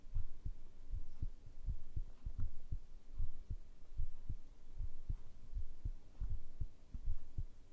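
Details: ASMR heartbeat recording, tagged binaural microphone: steady, regular lub-dub heartbeat at about 76 beats a minute over a low hum; ordinary normal heartbeat.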